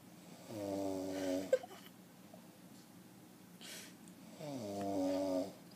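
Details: A son asleep on the rug on the kitchen floor at 4am: two slow, buzzing inspiratory snores about four seconds apart, with quiet breathing between; ordinary snoring.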